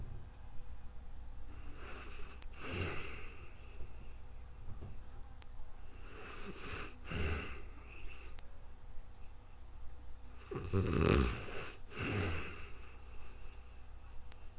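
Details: Real-time recording of a person sleeping, new microphone: slow low rumbling breaths roughly every four to five seconds with soft room hiss; ordinary snoring.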